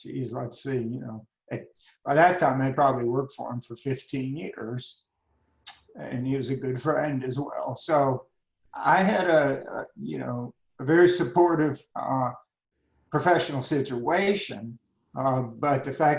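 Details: Adult man with spasmodic dysphonia beginning at age 51, managed without Botox. Finding: spasmodic dysphonia.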